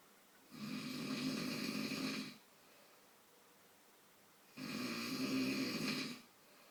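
Two long, rattling snores on inhalation with quiet pauses between, in a small quiet room; ordinary snoring.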